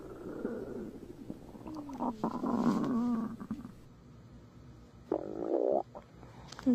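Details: Adult's stomach growling after a big meal: gurgling, low rumbling bursts with squeaky tones, normal digestive sounds (borborygmi).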